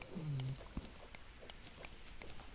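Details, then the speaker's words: A pet dog snores in the background while sleeping on a pair of shorts, heard under video game play and commentary. "think you can hear my dog snoring in the background she's sleeping away on a pair of my shorts like a big old dork"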